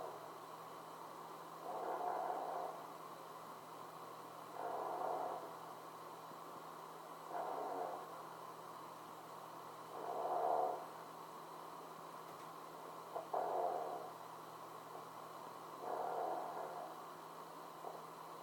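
Regular soft snores about every three seconds, roughly 20 breaths a minute, over a steady background hum; snoring during sleep.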